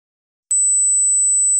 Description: this is just somthing i just threw togeather my frined mooestofall....yes the ringing is the noise u want to hear...